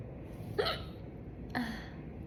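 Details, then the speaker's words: Hiccups in a girl after chugging soda: two sharp, abrupt voiced catches about a second apart against quiet room noise. "That was like a yawn combined with a hiccup. Oh, should I try that again? That was not intentional though."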